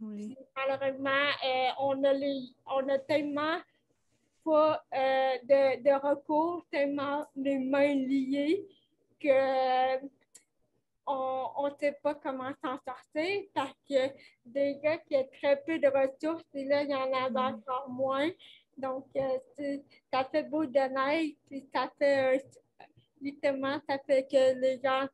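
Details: Dysarthria from cerebral palsy in a 29-year-old woman, caused by lack of oxygen at birth; she appears to mention speech difficulties; real conversational French speech.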